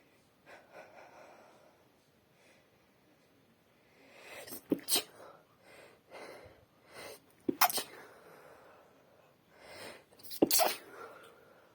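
Three wet sneezes, each preceded by a quick in-breath, with soft sniffing in between.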